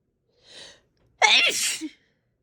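A sharp in-breath, then one forceful, wet, explosive sneeze.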